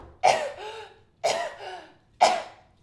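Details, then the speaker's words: Real infant gagging on food while eating: three strong, clear, effective coughs with air moving freely in and out between them, a sign the baby can clear it themselves. "So as long as they have an effective cough or you're hearing them cry, that sounds like this."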